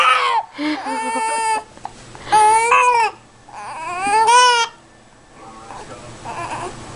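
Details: Infant upset by hiccups: three drawn-out wailing cries with short breaths between them, then quieter fussing; infant crying.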